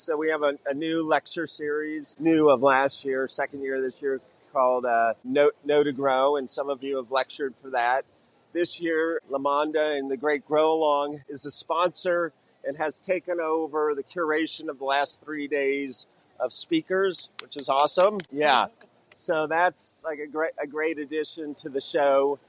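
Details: Adult male speaker; normal voice.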